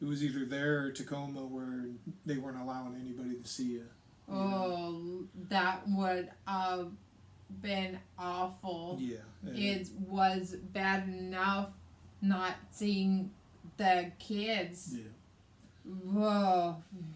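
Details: Adult man speaking; typical speech.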